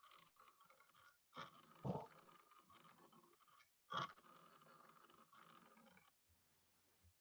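Brief grating, creaking bursts over faint breath noise, about three in a few seconds, then a sharp click: a pleural friction rub.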